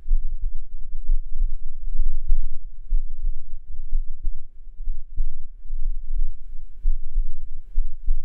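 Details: Heartbeat recorded with a binaural microphone: low, muffled, regular thumps at roughly 70 beats a minute under a steady low rumble; normal heart sounds.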